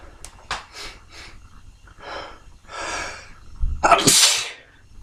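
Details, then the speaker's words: Morning sneezing fit: several short sniffing breaths, then a build-up of inhalations ending in a loud, forceful, messy wet sneeze spraying everywhere. "It's messy. Two. Everything's getting absolutely caked in spray."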